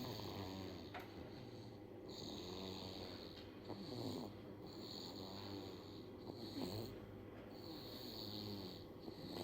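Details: Sleeping baby snoring: soft, rattly, regular snores with each breath, about 25 breaths a minute, over low room noise.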